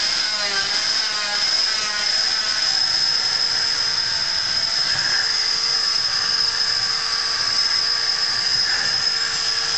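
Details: Oscillating cast cutter cutting part of a set leg cast to remove the foot, subject protected by sock and guard: steady high-pitched whine with slight pitch changes as it presses into the cast.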